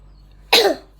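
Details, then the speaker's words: Single short, sharp cough from a sick young child who is warm to the touch (feverish), refusing food and medicine, and complaining of discomfort. "Dia batuk, badannya anget. Dia gak mau makan. Terus disuruh ke toilet juga gak mau. Dia aduh-aduh terus. Nah kan, batuk kan."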